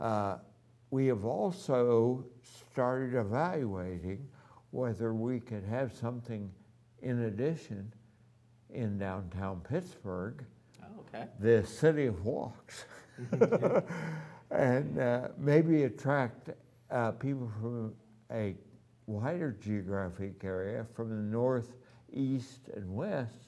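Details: Adult man with ataxia, voice somewhat affected since the previous year, has had voice therapy; ataxic dysarthria.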